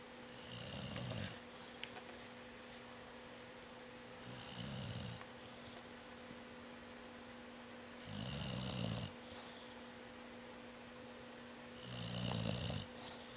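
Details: Rooney snoring with eyes open: four soft snores about every four seconds, roughly 15 a minute, each with a low flutter and a hiss, over a steady electrical hum.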